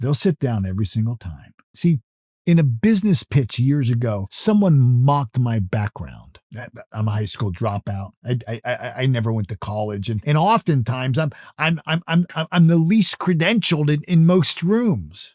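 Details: Adult male who self-reports that he stutters or stammers, with repeated words in his speech; stuttering.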